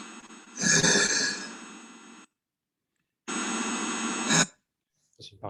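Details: Unilateral vocal fold paralysis with an immobile, concave, atrophied vocal fold: dysphonia from unilateral vocal fold paralysis.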